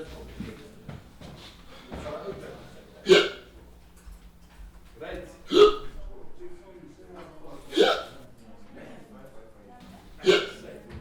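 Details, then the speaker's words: Acted, simulated hiccups by a man in a comedy sketch before an audition: abrupt loud hiccups about every two and a half seconds, four in eleven seconds, with quiet talk between; hiccups. "Excuse me. I don't mean to bother you, but this is kind of a big audition for me. Do you mind scaring me? Help me get rid of my hiccups?"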